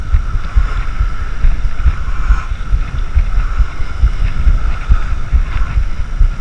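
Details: Heartbeat recorded during waterlining (slacklining over water) with a homemade GoPro chest mount; heart sounds while walking the line.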